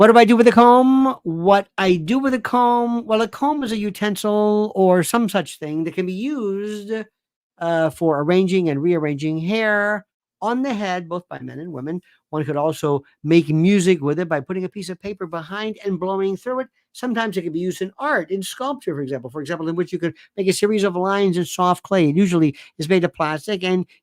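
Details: Narrator reading aloud a quoted answer attributed to a person diagnosed with logorrhea, a communication disorder of excessive, wordy, repetitive speech that can become incoherent; a read-aloud example, not the patient's own voice; logorrhea (excessive, wordy speech).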